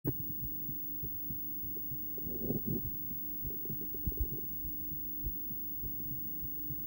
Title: Female heart, ultrasonic view, heartbeat sound